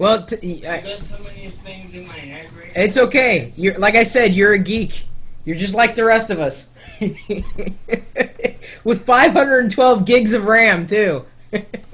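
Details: Adult speaker; ordinary speech.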